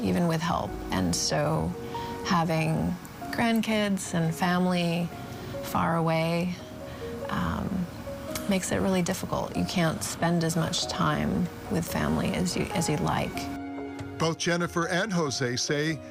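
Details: Adult woman speaking; ordinary speech.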